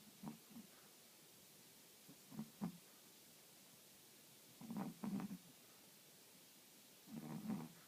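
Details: Snoring: soft, low, rumbling snores in irregular bursts, some doubled, in a quiet room.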